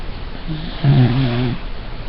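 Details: A single low, rumbling snore on an in-breath over steady background hiss while sleeping; owner asks whether this is normal.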